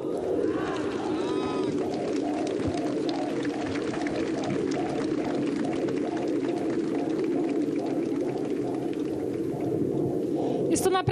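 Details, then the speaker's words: Fast, regular whooshing pulses on Doppler, rate stated as 128 a minute and called very healthy, from the unborn eighth child of a pregnant mother at a public rally: fetal heartbeat. "Słychać bicie serca dziecka."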